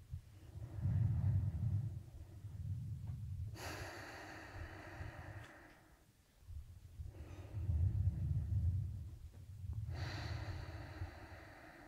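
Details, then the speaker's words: Stethoscope lung auscultation in a real-person role-play exam, patient breathing very deeply on request after turning around: two slow, deep, soft, low breath cycles, no wheeze or crackles; normal breath sounds, no added respiratory sounds. "Okay. There weren't any respiratory murmurs, so everything is okay here."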